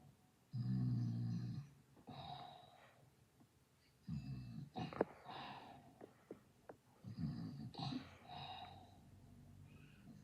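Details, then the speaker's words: Replayed video-game character snoring sound effect: loud, rattling snoring breaths with snorts and clicks, not a real sleeper. "it's snoring time. Sleep tight."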